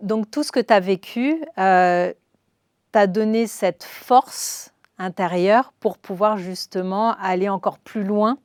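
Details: Adult woman speaking French; Normal speech.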